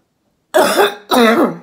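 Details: Two short, harsh forced coughs made deliberately to bring up phlegm from the lungs, a home exercise by a woman surgeon recovering from COVID-19 infection.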